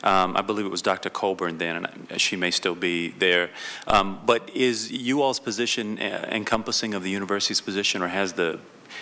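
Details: Vocal tremor in an adult woman, real, self-reported.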